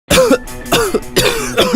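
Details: Three acted wet, throaty coughs over background music in an Indonesian cough-medicine advertisement, portraying a productive phlegmy cough.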